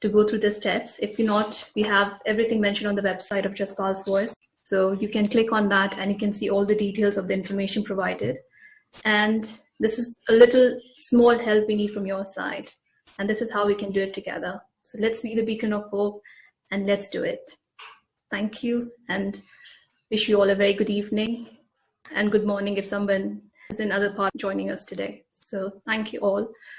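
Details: Adult woman speaking; normal speech.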